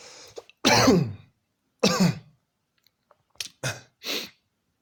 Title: 2 minutes straight of COUGHING!!!